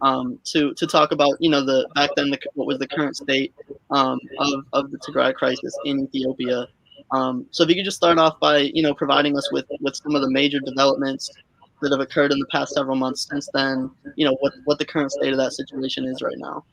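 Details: Adult male speaker; normal voice.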